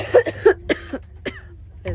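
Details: Several short, dry cough bursts in quick succession from a pregnant woman at 21 to 23 weeks who has a bad cold and has been coughing a lot.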